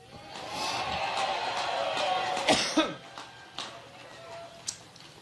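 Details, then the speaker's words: Persistent coughing fit of an adult woman speaking on stage at a Labor Day rally in Cleveland, Ohio; several harsh cough bursts in a row over a hollow, echoing hall; she attributes it to an allergic reaction. "Now, once I get over my allergic reaction, let me say that we're here in part because we know how important th"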